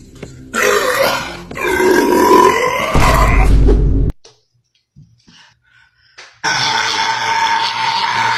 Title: Top 5 Sprite Challenge Burps 1 🥤#best5ever #shorts #mustwatch